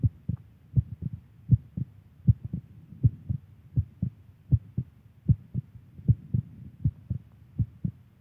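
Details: Steady paired heart thumps at about 79 beats a minute from a woman: a regular, normal heartbeat.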